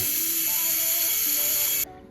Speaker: At this point, you're to plug the high-speed handpiece back into the attachment and run for up to 30 seconds until it runs dry, as such. You can see spray is still coming out of the handpiece. It is to run dry.